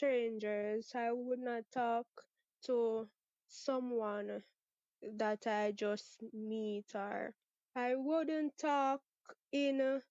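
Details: 23-year-old Jamaican woman who has stuttered since about age six, with father and sister who also stutter and no speech therapy ever; stuttering.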